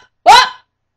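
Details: Girl with moderate to severe Tourette syndrome, taking medication to calm it, makes an involuntary vocal noise; vocal tic.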